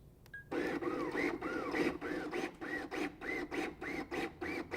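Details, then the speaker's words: LUCAS portable mechanical chest compression device in demonstration, suction cup start position set, active mode giving continuous compressions: steady rhythmic mechanical pumping at about 100 per minute; mechanical chest compression device operating. "use the pause button to set the start position for the suction cup the active button for continuous compressions"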